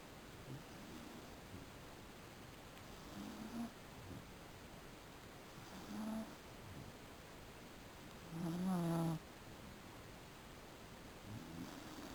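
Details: Quiet, irregular snoring from a sleeping Beagle during an afternoon nap, over low room noise, one louder snore near the end: snoring.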